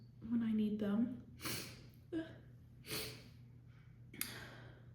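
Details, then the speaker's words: Female with an uncontrollable sneezing fit after holding back sneezes on the phone: voiced in-breath then three harsh, loud, explosive sneezes in quick succession: sneezing. "Bless me. Why are these so strong? I still have to sneeze."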